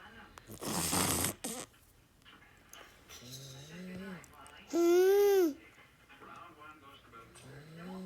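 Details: Simulated snoring: a small child (toddler daughter) imitates her father's snoring with playful snorting, snore-like noises and squeals.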